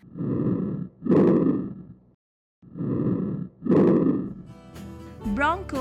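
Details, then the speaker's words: Normal vesicular breath sounds heard over the lung periphery in a simulated auscultation. Soft, low rustling with longer inhalation and a shorter, fading exhalation. "Vesicular breath sounds are heard on the periphery."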